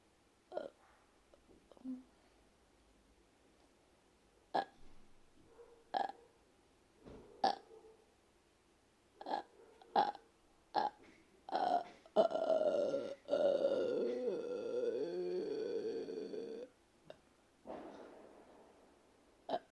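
A run of about ten short, throaty burps, then a long, drawn-out burp; repeated belching.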